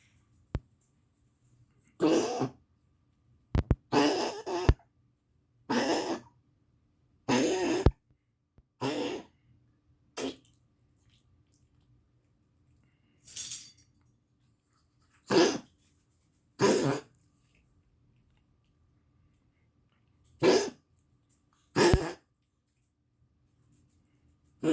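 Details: Coughing, likely from a dog, recorded 10/20/22: about a dozen harsh, dry cough bursts with quiet pauses between them.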